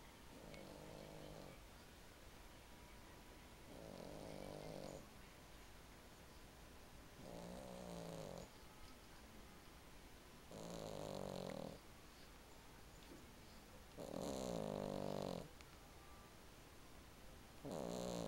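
A sleeping cat snores with soft, rattling snorts, about 18 breaths a minute, over a quiet room hiss.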